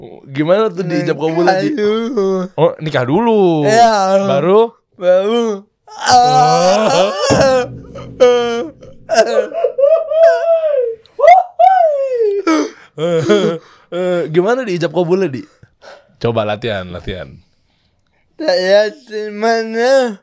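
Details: Adult man born in 1987 with severe cerebral palsy from birth, attributed to a birth injury during a breech delivery; he could not walk until age 9; speech possible but unclear; dysarthria.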